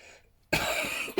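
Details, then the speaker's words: One forceful, breathy cough over half a second in a quiet room, then the start of another, from an adult woman who says she is still coughing; cough. "Excuse me, I'm still coughing, I do apologise. As you can hear."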